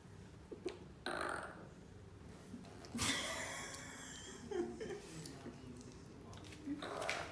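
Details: Yorkie dog that burps after every meal: several low, rough throaty bursts with brief laughter between them; burping compilation.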